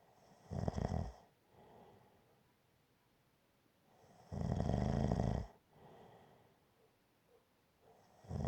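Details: Snoring recording titled gentle snoring: loud rough snores on the in-breath with quieter out-breaths between, about every four seconds.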